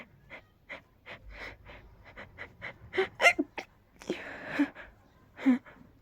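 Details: Person feeling very sneezy with tickly, rapid sneezes: quick breathy gasps building to a few forceful, partly stifled sneezes with sharp intake of air; sneezing.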